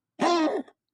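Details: A female cat coughing: a single short, harsh, partly voiced burst with a throat-clearing quality, quiet before and after.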